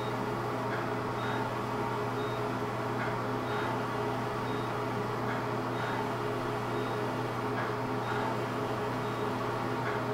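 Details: Fractional CO2 laser (DOT therapy) resurfacing of an adult woman's skin under local anesthesia: constant machine hum with faint, evenly spaced high beeps as a line of pulses is delivered to the skin.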